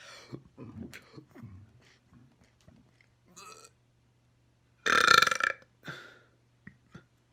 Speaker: i'm back today with more burps so let's get into it